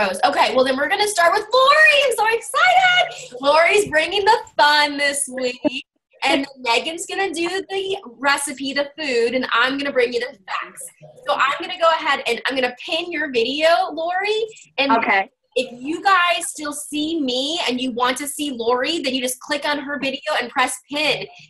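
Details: Adult woman speaking; normal speech.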